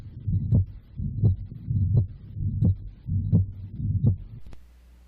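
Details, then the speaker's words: Mitral regurgitation murmur at the apex (fifth intercostal space, midclavicular line): regular heartbeat near 85 per minute with a blowing murmur filling systole. "And the mitrogitation murmur is heard best at the apex which is the mitro listening area that we talked about earlier. It's found at the fifth intercostal space in the mid-clavicular line. And I'll play you an example of the murmur of mitro regurgitation."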